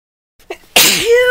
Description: Whoo! These are some pretty intense sneezes! I DID NOT force any of these.